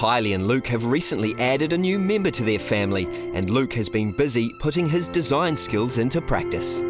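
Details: Adult narrator; Normal narration.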